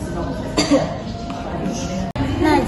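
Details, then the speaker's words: Effective (huff) cough demonstrated in nursing-student practice with an adult female patient: she breathes in for 4 seconds, holds for 2, exhales, then gives a single forceful cough into a sputum pot; acted demonstration, with room noise. "Jadi Ibu, kalau saya instruksikan Ibu untuk batuk, Ibu batuknya dikasih dalam sini ya. Baik Ibu, lakukan tarik nafas selama 4 detik. 1, 2, 3, 4, tahan 2 detik. 1, 2, hembuskan, batuk."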